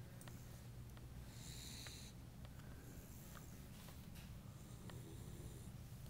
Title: Snoring Nala!